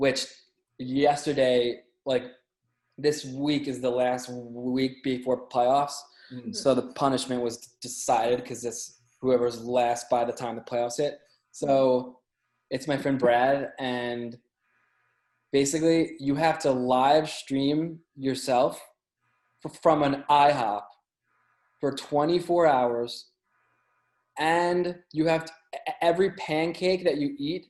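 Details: Stuttering in an adult man who says he has had a stutter his whole life, since childhood.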